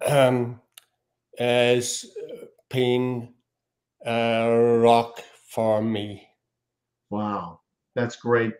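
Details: Adult male speaker; aphasia.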